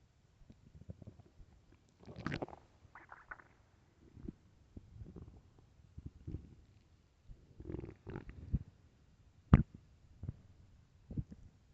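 Low gurgling and rumbling bursts coming and going over several seconds: loud stomach growling, a normal sound of gut movement.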